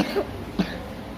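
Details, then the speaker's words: Young child with a dry cough for a week that is getting worse despite midwife's medicine, bending over when coughing, taken to hospital at night and given nebulizer treatment; two short dry coughs over quiet room noise. "karena Udah seminggu dia batuk ter enggak ada kurangnya malah makin parah kayaknya batunya tu kering gitu"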